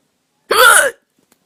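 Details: Hiccup of unknown cause: a single brief, sudden voiced catch of sound.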